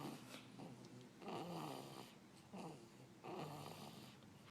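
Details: Baby boy sleeping on a chest, soft rhythmic snoring breaths about one every two seconds with a low rattly tone on each breath, quiet room; snoring.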